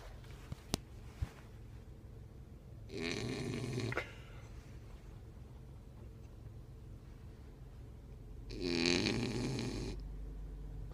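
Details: Whoodle puppy snoring extremely loud: two loud, rattling snoring breaths about six seconds apart, quiet breathing between, a few faint clicks at the start; snoring.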